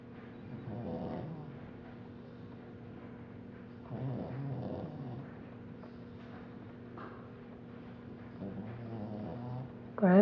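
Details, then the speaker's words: Pug snoring while sleeping comfortably: rhythmic low rattling snores about one every four seconds over a steady background hum; loud enough to keep household awake. "There he is, snoring like crazy."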